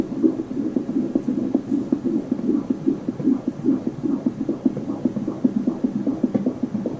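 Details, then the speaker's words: Normal fetal heart rate of about 148 beats per minute on a 20-week ultrasound Doppler: rapid, regular whooshing heartbeat. "we're going to count that the baby's heart rate is running about 148 beats per minute today and that's normal"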